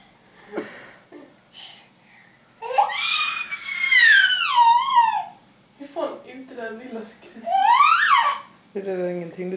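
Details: Infant boy's hunger cry: loud, high-pitched wailing with rising and falling pitch and short pauses between cries.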